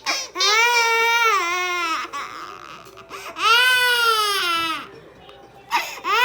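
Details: A 7-month-old baby cries in loud, rising-and-falling wails with short gasping pauses, frightened by the beep of a bumblebee anti-head-bump cushion.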